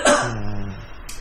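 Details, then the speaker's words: Second of five cough recordings played on a TV health program: a single short, dry-sounding, light throat cough with a brief voiced tail, identified by a professor as a pneumonia cough. "그런데 네. 첫 번째, 두 번째 기침이 폐렴의 기침입니다."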